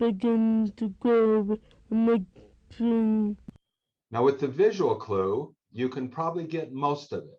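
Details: Little girl with severe bilateral hearing loss, some residual hearing amplified by hearing aids; speech with a certain tonal quality and cadence, very difficult for unfamiliar listeners to understand; deaf speech.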